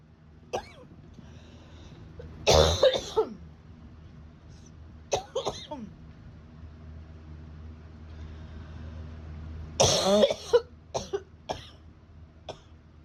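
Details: Adult with acute bronchitis about 10 days after a summer head cold that moved into the chest: repeated harsh coughing in bouts.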